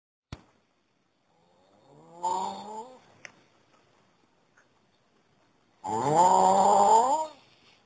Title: Getronics AHST guy snoring